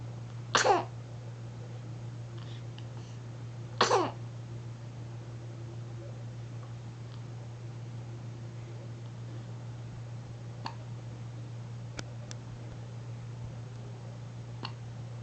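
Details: Person sneezing and hiccuping: two short, sharp explosive bursts a few seconds apart over a steady room hum, then faint clicks; brief coughs or sneezes.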